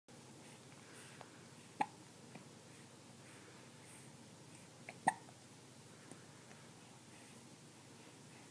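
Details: Kitten aged 14 weeks with hiccups: two faint, sharp hiccup sounds a few seconds apart over steady room hiss.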